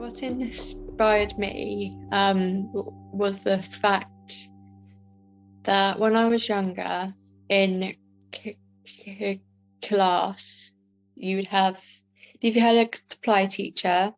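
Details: Adult woman with a stammer; stammering.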